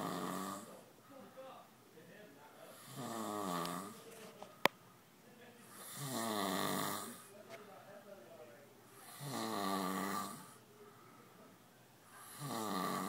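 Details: Snoring while being played with: steady rhythmic snoring, about 19 breaths a minute, rumbling wavering in-breath snores with quieter whistly out-breaths.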